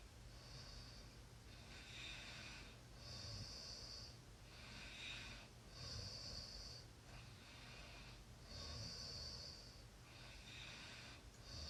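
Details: Soft, hissing breaths with a faint rasp, about 22 a minute, in a quiet room; light snoring during sleep.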